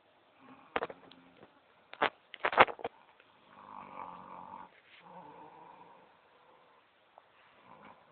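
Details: Mother snoring while asleep sitting upright in a chair, low-quality cell phone recording: soft rattling breaths during sleep, preceded by a few sharp knocks and clicks.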